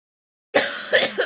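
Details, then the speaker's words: Cough from an ill adult with a bug going around, describing the cough as constant: a sudden cough of two or three short bursts with a slightly throaty, clearing quality. "And then you can hear it in my coughing. That is constant. That is constant."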